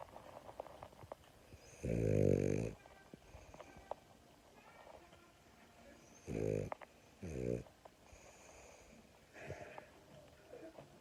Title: French Bulldog Snoring